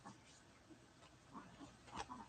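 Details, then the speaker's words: A sleeping dog snoring: faint, grunting, pig-like snorts against quiet room noise; the owner worries she is not breathing her best when snoring like that. "can you hear the dog snoring sounds so funny he's like it's way cuter it sounds like a pig snorting"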